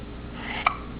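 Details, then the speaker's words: A single short, sharp hiccup from a young boy at the dinner table over quiet room noise; an ordinary, harmless hiccup. "That was a big hiccup. You're so funny with your hiccups."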